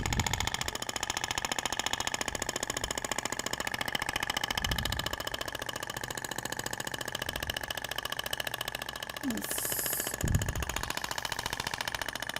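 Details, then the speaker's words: Shockwave therapy device firing during abdominal application, applicator at 90 degrees moved zig-zag over tissue, avoiding rib region and navel, tissue visibly vibrating; fast steady rattling taps with room noise and brief speech. "inicio e os disparos eles ocorrem distribuindo de forma lenta é interessante que você consegue visualizar a propagação da onda você vê que até o tecido vibra né"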